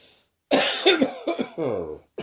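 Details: Several harsh coughs in quick succession, ending in a drawn-out voiced throat-clearing sound; the person woke with a sore throat and began coughing soon after, possibly the start of a summer cold.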